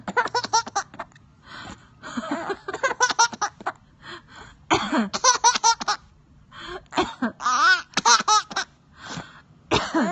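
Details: Mother's cough: several short, harsh adult cough bursts alternating with a young child's bright, repeated giggling at the cough; an ordinary cough.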